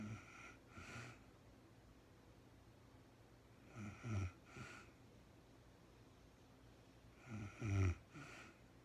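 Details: Real-time recording of a sleeping woman snoring: three low, rattling snores over about nine seconds with quiet pauses between breaths; ordinary snoring during sleep.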